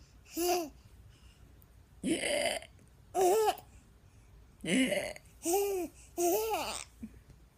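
An infant makes six short, breathy, voiced bursts, a playful imitation of coughing rather than a real cough.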